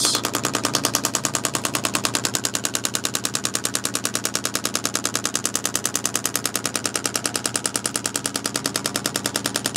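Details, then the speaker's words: Rapid, very regular sharp clicks at about 200 a minute as a chiropractic shockwave therapy device is angled toward the right side and into the neck; shockwave therapy device in operation. "I'm going to just play with the angle that I'm sending the shock wave in so we can kind of angle it you know to the right we can angle it a little bit more into the neck itself"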